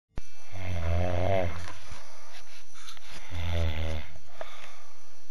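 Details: Heavy snoring: loud, rattling, low, vibrating snores on two breaths, each lasting over a second.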